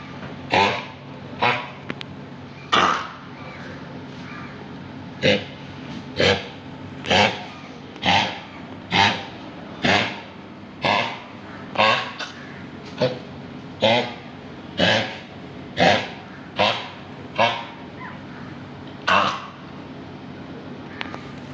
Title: kennel cough in dog with no vomit